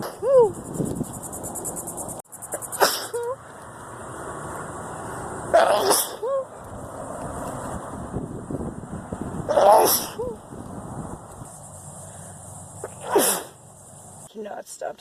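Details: Sneezing fit, thought to be from allergy season starting, with the nose tickling all day: four forceful sneezes in quick succession about every three to four seconds over a steady hiss; can't stop sneezing.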